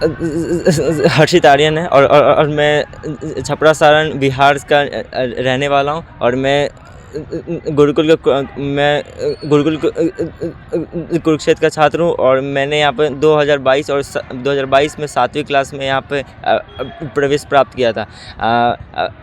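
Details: Class 10 male student with stuttering since childhood, described by a teacher as congenital; it worsens with agitation and stage fear and eases with familiar people; stuttering.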